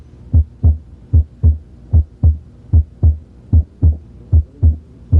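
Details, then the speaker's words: Normal heart sounds heard with the stethoscope bell at the apex in the fifth and fourth interspaces, the bell being used to listen for low-pitched sounds such as S3, S4 and mitral stenosis. "now switch to the bell of the stethoscope which is more sensitive to low pitched sounds such as S3 S4 and the murmur of mitro stenosis listen at the Apex again in the fifth interace space and in the fourth inter space"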